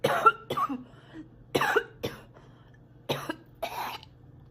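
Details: Girl coughing a lot while sick and spitting: repeated short harsh coughs in pairs, about six bursts over a few seconds; frequent cough.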